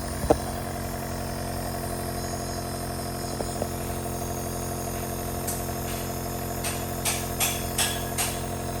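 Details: Baby being treated for sneezing with a compressor nebulizer: steady mechanical motor drone with faint clicks and handling noises; compressor nebulizer running.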